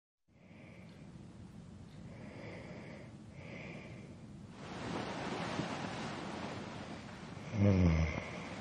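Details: Adult male snoring during sleep; noisy, fluttering breaths with a rougher breath partway and a short snort at the end; snoring.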